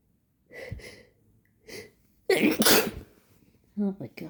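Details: An agender person sneezing, with a nose blocked by bloody scabs: soft breathy catches, then a loud explosive sneeze and sniffing during a sneezing fit.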